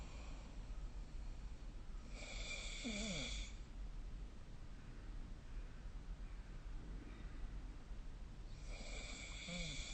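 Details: Snoring recorded during sleep with the SnoreLab app: rough, rattling snores on breathing in, about every six seconds over steady room hum; ordinary snoring.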